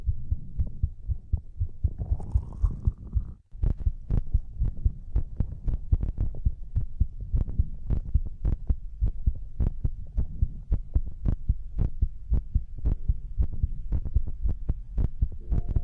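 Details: ASMR heartbeat and breathing recording for sleep: steady low thumping heartbeat at roughly 55–60 beats a minute, with a soft hum underneath.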